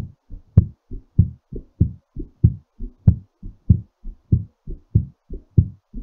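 Strong, steady low thumps at about 95 beats a minute; a brisk but normal heartbeat slowing during recovery after exercise.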